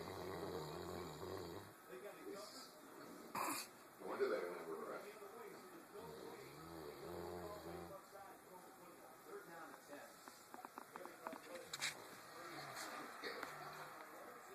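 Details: Sleeping Newfoundland dog snoring: low rumbling snores with a few snorts and throat noises between them.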